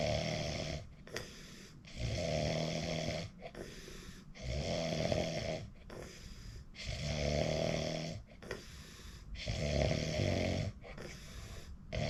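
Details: Recording of their own sleep: loud, rattling snores about every two seconds, roughly 28 breaths a minute, with softer noisy breathing between; heavy snoring.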